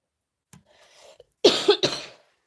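After a quiet breath in, an adult gives a short run of about three harsh, loose coughs, a cough from a common cold.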